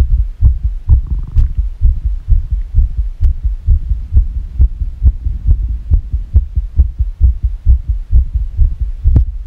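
Rapid heartbeat around 130 a minute with uneven spacing between beats; a fast, irregular heart rhythm.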